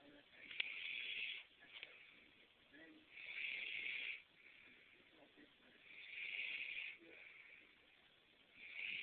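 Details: Snoring: hissing, fluttering breath noises in a slow repeating rhythm, about three cycles over nine seconds.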